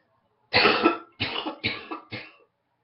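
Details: Morning cough from someone who woke up congested with a head cold: four harsh coughs in a quick run, the first the longest, with a congested quality.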